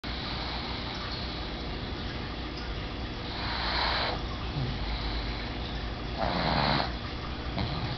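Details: Pug asleep, giving two slow, rough snoring breaths against steady low background noise; ordinary snoring.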